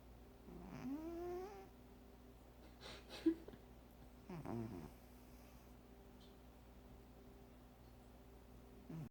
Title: My cat, Data, snoring!